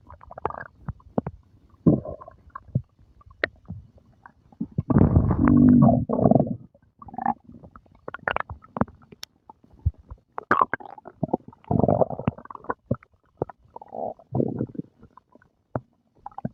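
Frequent low gurgles and rumbling growls with a long rolling stretch midway; active bowel sounds, ordinary stomach growling after a meal.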